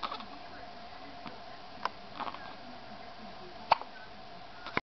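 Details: Infant hiccups: a few brief, soft hiccup clicks over a steady background hum; ordinary harmless infant hiccups.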